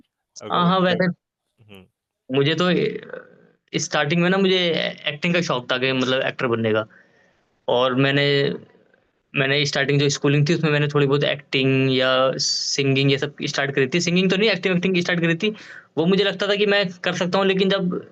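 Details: Adult man who stammers, with audible word repetitions; stuttering.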